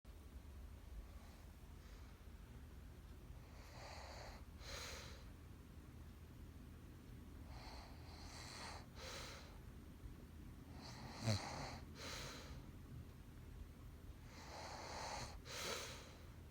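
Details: Girlfriend snoring while asleep: slow, noisy sleep breathing, about 16 breaths a minute, each with a rough, fluttering snore, in a quiet room.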